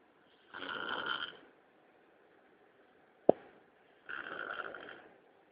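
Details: Light snoring: two soft, hissing snores about 3.5 seconds apart, with a single sharp click between them.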